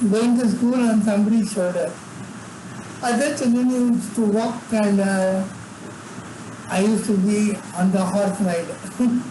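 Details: Adult man with severe cerebral palsy from birth and involuntary tremors in all body parts; could not talk until age eight; speech disorder not named directly; dysarthric speech in cerebral palsy.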